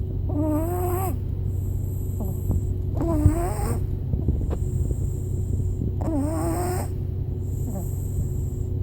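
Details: Snoring in a pug sleeping in the car: squeaky, whistling snores about every three seconds over a steady background hum.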